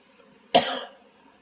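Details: Adult, sick and stuffed up, coughing often; a single short, sharp cough in a quiet room.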